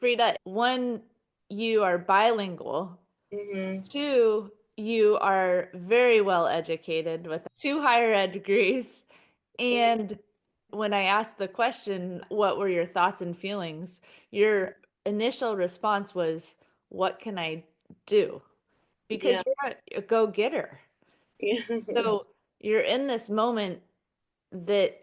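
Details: Adult female interviewer; Typical speech.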